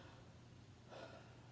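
A single soft, brief breath sound through the stethoscope over low room hum: normal breath sounds heard during chest auscultation.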